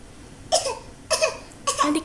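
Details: 20-month-old baby acting out a sniff and cough: three short, breathy pretend coughs, each with a sharp onset and brief voiced tail; playful imitation, not illness.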